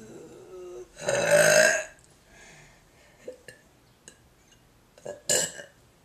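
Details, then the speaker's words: One long, loud, rasping belch lasting almost a second, then small clicks and a shorter second burst, in a burping contest; burping. "Hey guys, this is the burping contest video that got erased, so I'm redoing it."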